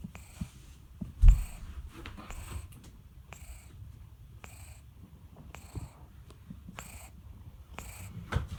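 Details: Cat caught sleeping and snoring: soft, regular wheezy breaths about once a second, with a faint whistle on each breath.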